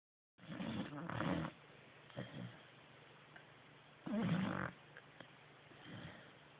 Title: 4 months old swissy pup Mandy still snoring